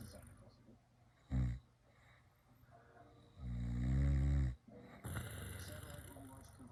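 A short snort, then a longer, loud, buzzing snore on one breath, followed by room noise.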